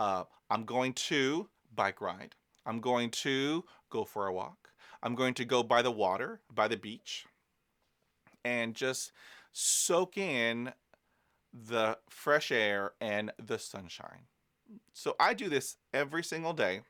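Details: Adult man who stutters, speaking in real life: stuttering.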